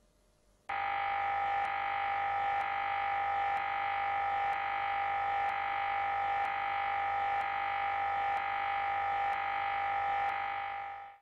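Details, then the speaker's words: MRI scanner during a child's scan at a children's hospital; loud continuous buzzing drone with regular knocks about every second, typical scanner knocking noise. "once the scan starts the scanner will make a continuous knocking sound which can be quite loud but will'll give you in your child ear protectors"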